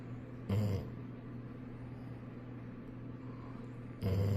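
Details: Golden retriever asleep leaning against its owner, snoring loudly: two loud, low rumbling snores about three and a half seconds apart over steady background hum; snoring.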